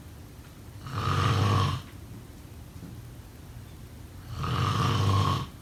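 Two long, low, rattling snores on breathing in, with quiet breathing between them. Ordinary snoring.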